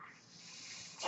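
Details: The speaker's own home mechanical ventilator: a steady, soft, airy hiss swells into a louder rush at the end as it delivers a breath.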